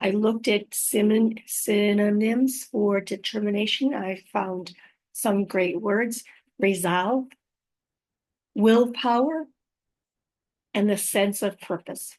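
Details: Female host living with aphasia after a stroke, also mentioning apraxia of speech and dysarthria; unedited recording made on a good day, in the morning before fatigue; spontaneous speech with word-finding pauses; aphasia.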